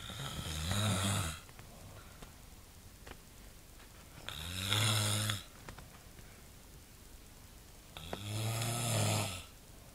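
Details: Father snoring in the middle of the night during sleep: three loud, rattling snores about 4 seconds apart, quiet between them.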